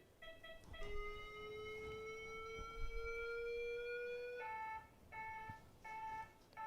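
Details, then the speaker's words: Mindray monitor-defibrillator switched from external pacing to defibrillation mode, as would be done if a pacemaker-dependent patient with pads on went into ventricular fibrillation: rising charging tone for several seconds, then repeated ready-to-shock beeps. "simplemente pasaríamos al modo de desfibrilación cargaríamos la energía"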